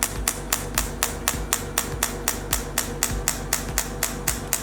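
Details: Steady, sharp clicking pulses, about four per second, over a low hum: a 3rd-generation shockwave therapy machine (T8+) handpiece firing at a fixed pain point on the skin during a treatment demonstration.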